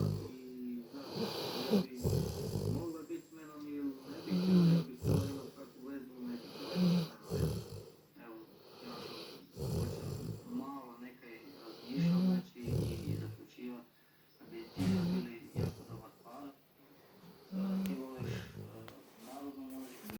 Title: meh dog snoring